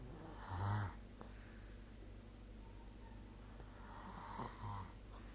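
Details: Snoring during sleep recorded with the SnoreLab app: two low, rattling snores on breathing in, about four seconds apart, over quiet room noise.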